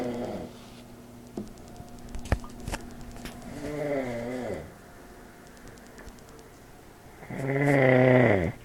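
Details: Older man snoring during sleep, recorded on an iPod speaker recorder and described as his loudest yet: two long, rumbling, voiced snores on inhalation, separated by quiet breathing, with faint room noise.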